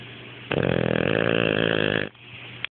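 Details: Pet sleeping with half-open eyes and snoring: one loud, buzzing, vibrating snore lasting about a second and a half against faint room noise.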